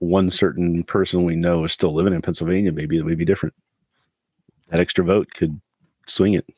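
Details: Adult male speaker; normal speech.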